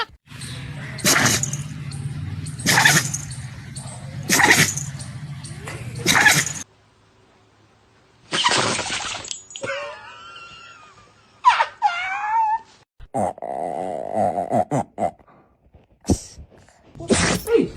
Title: The Funniest Dog Sneezes on the Internet! 🤧😂 #shorts #dog #funniestdogs